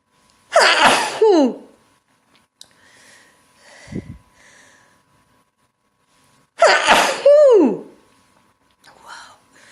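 Two loud sneezes, each a sharp burst ending in a falling voiced cry, with soft breaths between.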